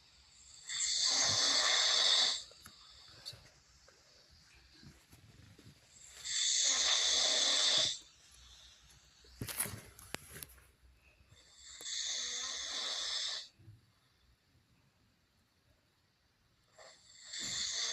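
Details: Man snoring during sleep: loud, hissing, whistly snores on each breath, about 4 in 18 seconds, with quiet pauses between.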